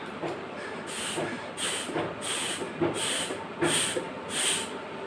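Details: Metered-dose inhaler used with a MACSPACER spacer: after an inhaler puff, repeated hissing bursts of breath through the spacer, about five breaths in five seconds.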